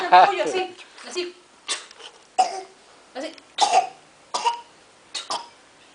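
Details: Run of about eight short, dry coughs in quick succession, roughly one per second, in a quiet setting; person began coughing while running in a house patio.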